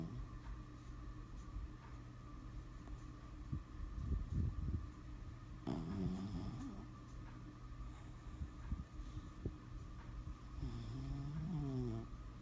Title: Tater snoring